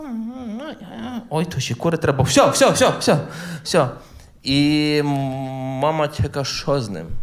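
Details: Adult man who stutters, performing live stand-up comedy, with stuttering heard in his speech.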